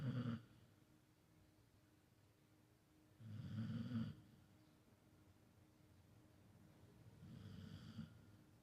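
Slow, regular rasping snores about every four seconds, roughly 15 a minute, in a quiet room; ordinary snoring.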